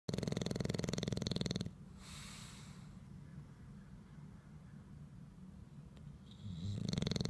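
Loud rattling snore from a sleeping bulldog, with a quiet pause between breaths. Noisy breathing like this is common in flat-faced breeds.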